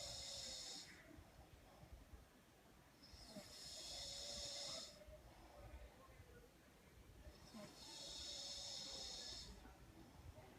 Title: Roncando